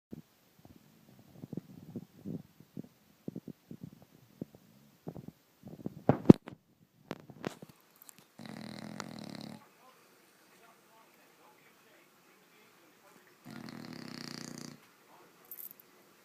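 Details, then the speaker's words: Seven-month-old female bulldog puppy asleep on a bed who does not wake even when shaken; soft snuffly breaths and clicks, then two long, loud, rough snores with a quiet gap: snoring. "can you anybody sleep with this snoring and she's in the middle of my bed snoring like that kill me watch even when she's shook she doesn't wake up can you stop snoring"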